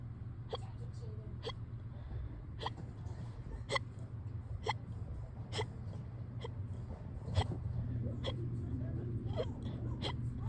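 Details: Small, sharp, fast hiccups, about a dozen in ten seconds, irregularly spaced over a steady low hum; tame but very fast hiccups in a person hiccuping on and off since yesterday.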